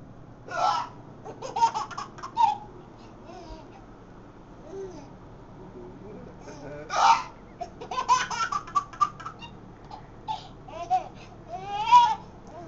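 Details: Adult man (dad) with a bizarre-sounding case of hiccups: short, sharp hiccup sounds at irregular intervals, mixed with a small child's laughter and babble.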